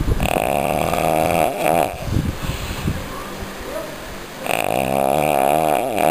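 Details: Snoring recorded during an outing in Cachoeira de Macacu: a loud, rough, fluttering snore on the in-breath, a quieter stretch, then another snore; ordinary heavy snoring.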